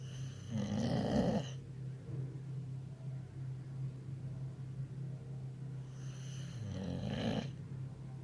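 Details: Boxer dog lying as if asleep, possibly pretending, snoring: two loud, rattling snores on the in-breath about six seconds apart over a steady low room hum.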